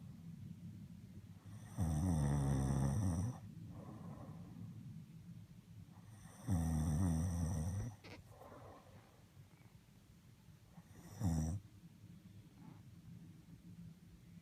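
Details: Deep, rattling snores on inhalation, three in about fourteen seconds with quiet breathing between; ordinary heavy snoring during sleep.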